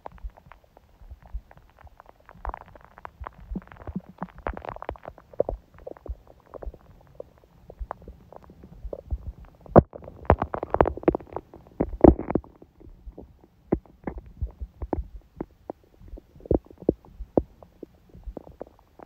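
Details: Adult's own stomach after a smoothie breakfast and salad, on a day the stomach stayed mostly quiet: scattered soft gurgles, pops and brief rumbles over a quiet background, ordinary bowel sounds.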